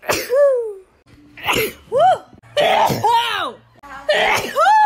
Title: 100 Miles per Hour (a sneeze compilation) Part 2